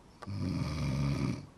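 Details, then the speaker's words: Woman with severe sleep apnea; spouse reports she stops breathing at night. One long, loud, coarse rattling snoring inhalation; snoring. "she was snoring when you hear that snoring can you believe that's you it doesn't sound like a person i seem like something in the barn"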